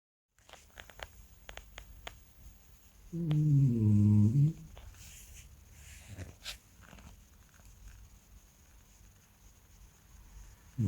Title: Cute French Bulldog Snores and Farts!